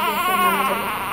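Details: Baby girl crying: a sustained, wavering, high-pitched wail, a typical infant cry.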